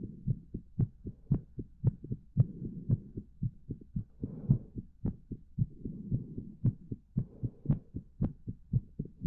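Steady, fairly quick heartbeat with soft low thumps, roughly 110 beats a minute, over a low hum.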